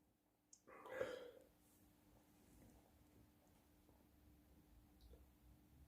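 One loud, abrupt sneeze burst followed by quiet room hum.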